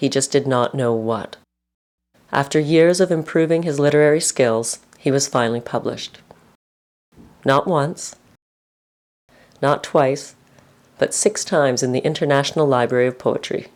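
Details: Adult male narrator; normal speech.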